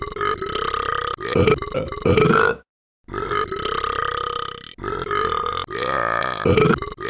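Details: Talking Ben the Dog app character: several long, loud, rumbling belches in a row with short pauses between them; burping.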